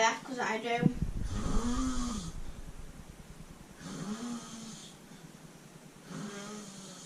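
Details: Man and cat napping together: after a brief voice, three rattling, buzzy snores repeat about every two and a half seconds during sleep; snoring.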